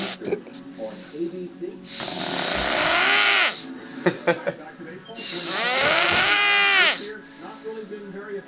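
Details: Adult man snoring while napping: two loud, rough, rattling snores with softer breathing between, roughly 18 breaths a minute; typical snoring.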